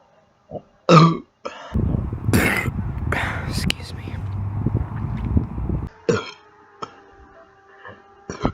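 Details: A woman burping on command, saying "excuse me" beforehand: a short grunt, then a long, deep, rumbling belch lasting about four seconds, then quieter sounds; a deliberate burp.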